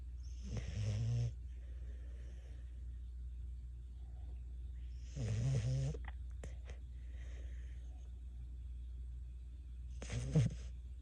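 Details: Dog snoring with eyes open: low, rumbling snores about every five seconds, roughly 13 a minute, over steady room hum.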